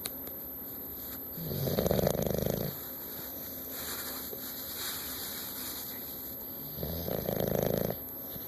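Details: Snoring from a sleeping bulldog: two loud, rattling inhaled snores about five seconds apart with a softer breath between, quiet room.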